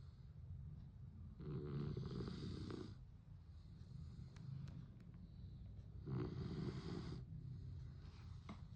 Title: Snoring dog #snore #sleepingdogs